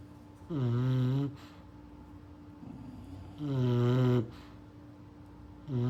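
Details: Sleeping English bulldog puppy snoring: rhythmic, tonal snoring on each breath, two full cycles plus the start of a third, with a steady background hum.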